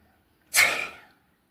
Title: हमें छींक क्यों आती है? ll Why do we sneeze 🤧😪